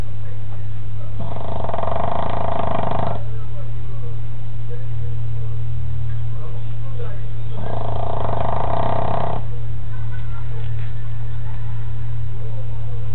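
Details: Sleeping dog snoring terribly; two loud, rough snores about six seconds apart over a steady low room hum; snoring.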